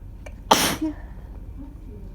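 A faint in-breath, then one sharp, forceful burst of air: a single sneeze in a quiet room.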